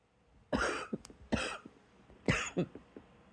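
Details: Quiet good-night cough: three soft, throaty coughs with quiet breaths between them in a quiet room.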